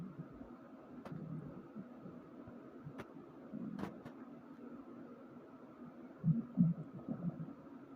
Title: Stomach Growling